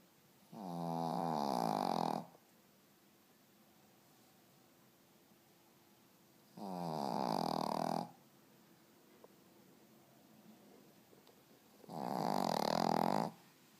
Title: Shihtzu snoring